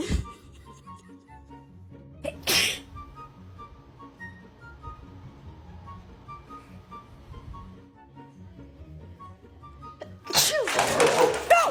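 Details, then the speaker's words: Owner sneezing with a cat present: two loud, abrupt sneezes against quiet background music, followed by apologies. "Sorry, I sneezed. Sorry. Come on, I'm sorry."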